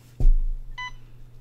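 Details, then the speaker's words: Alaris IV infusion pump being started by a nurse after setting the rate and a 200 mL volume to be infused: a button thump followed by a single short electronic confirmation beep. "and then I simply just press Start and my infusion will go"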